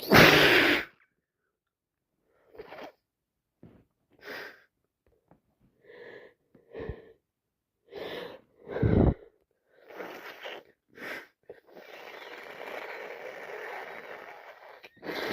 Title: Allergies so bad constantly sneezing